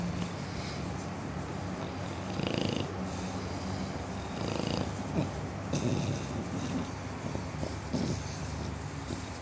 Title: Snoring bulldog